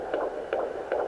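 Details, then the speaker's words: Fetal heartbeat at 18 weeks 3 days, heard on a Sonoline home fetal Doppler over the center of the uterus. Rapid, regular, strong whooshing pulses, about 150–165 beats per minute. "okay there it is I hear the heartbeat 165 151 so it's definitely really fast sounds so strong and and it just sounds amazing"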